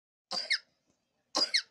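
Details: 4-year-old boy with a two-day persistent cough from an inhaled toy whistle lodged in one lung, X-ray showing the lung hyperinflated; two short coughs each carrying a high squeaky whistle; whistling cough.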